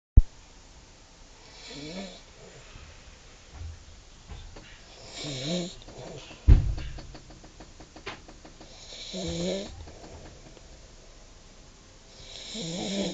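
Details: Adult asleep in bed at about 2:30 pm after a cup of tea and a lie-down: slow, rhythmic low snores roughly every four seconds, quiet room noise between breaths. Snoring.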